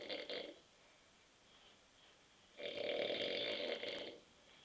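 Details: An adult man asleep on a sofa after drinking too many beers makes two loud, rough, buzzing snoring breaths separated by a quiet pause.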